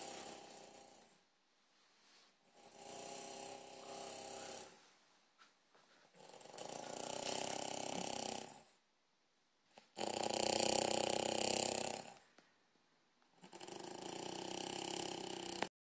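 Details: A person asleep, giving four long, rough, fluttering breaths separated by quiet pauses at about 15 breaths a minute; loud snoring during sleep.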